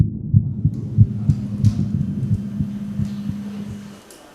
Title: female heartbeat sound